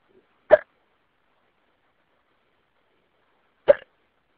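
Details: Audio-only recording of a person with hiccups: two short, abrupt voiced gulps about three seconds apart in a quiet room; hiccups.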